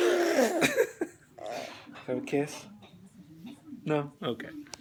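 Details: A young girl sneezes while with her father; sneezing.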